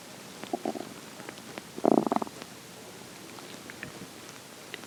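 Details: Two short bubbly gurgles, the second louder and rumbling, in a quiet room when hungry in the morning; normal hunger stomach growling (borborygmi).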